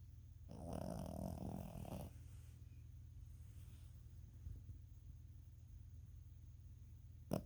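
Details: Tired sleeping animal snoring: one rough, rumbling snore, then quiet breathing against low room hum.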